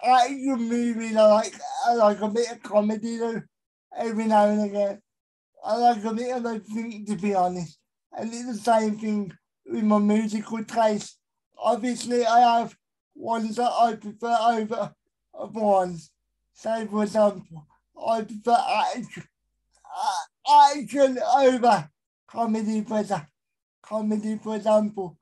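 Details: Adult male with a severe type of cerebral palsy; dysarthria.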